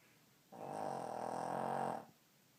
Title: Snoring dog